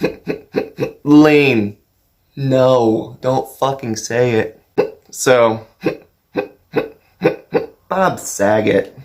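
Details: Adult man with Tourette syndrome producing vocal tics, including repeated words and a sudden outburst, right after describing his tics worsening; vocal tics.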